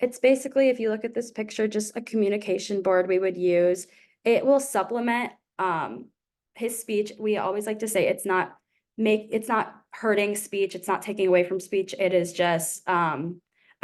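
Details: Adult woman speaking; normal adult speech.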